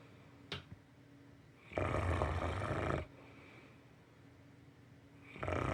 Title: Tired puppy! #stbernard #snoring #tiredpuppy #oregon #farmliving